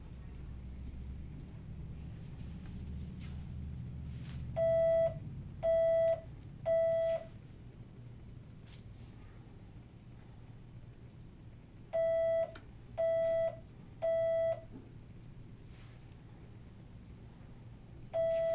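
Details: Short, steady electronic beeps in groups of three over quiet room noise: threshold (T-level) testing on various electrodes at cochlear implant activation for an 8-year-old girl, finding her softest detections; hearing loss diagnosed at 15 months, previously bilateral hearing aids.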